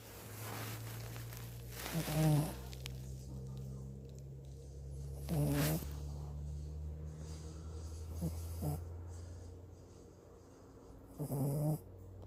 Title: Cute puppy snoring! #sleepypuppy